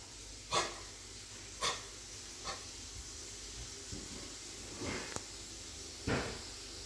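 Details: A dog coughing: a run of short, harsh, breathy coughs against a quiet room hiss.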